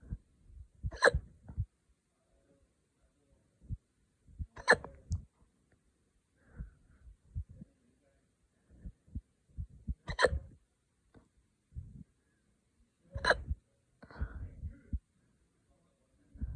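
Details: Four sharp, abrupt hiccups roughly every three seconds with quiet breathing and small noises between, after drinking wine too fast; hiccups.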